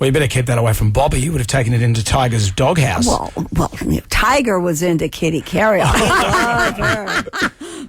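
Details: Adult speakers in a radio interview, likely a man and then a woman; normal conversational speech.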